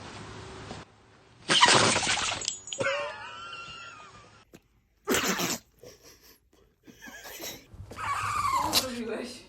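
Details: Dog sneezing: short sharp nasal bursts, mixed with people talking and reacting nearby.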